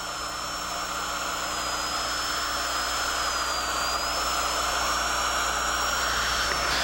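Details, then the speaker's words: Child's mandibular left second primary molar with a gross carious lesion, prepared for a stainless steel crown under rubber dam: steady high-pitched whine of a high-speed dental drill cutting central and buccal grooves 1–1.5 mm deep during occlusal reduction, over low room hum. "Then follow each of the buccal grooves from the central groove out through the buccal surface. Reduce each groove gradually to a depth of 1 to 1.5 millimeters, following the anatomy carefully to avoid endangering the pulp."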